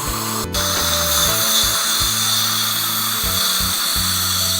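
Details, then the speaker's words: Low whirring motor hum starting and stopping in short runs, with background music; a dental prophy polisher working tooth by tooth to remove stain during a full-mouth hygiene cleaning. "we're going to be polishing this hummus brightens up the stain and it removes the thin layer of glass that is on the most spacious piece it feels a little bit gritty"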